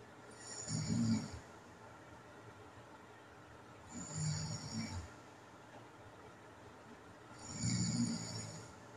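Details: Three low, rumbling snores roughly every three to four seconds, moderate in loudness; adult self-recording of nighttime snoring in someone with sleep apnea, recorded before apnea and hypopnea events.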